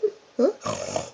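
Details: A father snores while sleeping, with brief squeaky, whistling noises followed by a rough, fluttering inward rattle from the throat; snoring.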